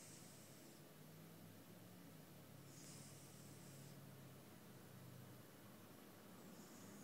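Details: Quiet, rhythmic snoring from a sleeping cat: soft low rumble with airy hissing breaths about every three seconds, roughly 20 breaths a minute.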